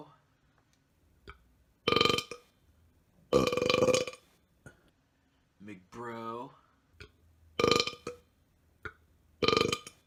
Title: Burp-O-Matic (Belch Montage 9)